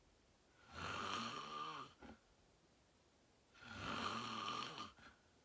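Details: Real self-recorded sleep; person fell asleep fast, around 8:45, and slept deeply, reportedly REM. Two long, loud, rattling snores on the in-breath, each followed by a brief snort and a quiet pause. Ordinary heavy snoring.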